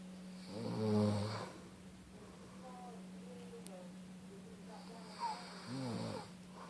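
Two rough, vibrating snores with a steady hum in the room; snoring during sleep.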